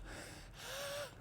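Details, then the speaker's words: Mild wheeze in an adult man with a cold and stuffy nose who rarely wheezes, wheezing again this morning after hard hedge work: a short breath with a thin musical whistle rising near its end. "Listen to me. I'm wheezing a little. Listen."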